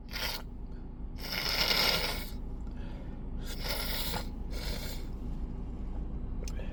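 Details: Sneezing fit in a car after a day of nasal irritation from dust and perfume: several loud, wet, hissing sneezes over steady engine rumble.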